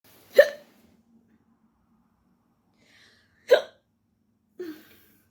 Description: Trying to make dinner in my kitchen, with a case of the hiccups, and can't stop yawning!